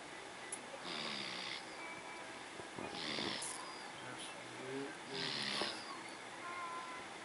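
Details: Sleeping subject, described as a baby snoring loudly: soft, hissing snores about every two seconds over quiet room noise. Snoring.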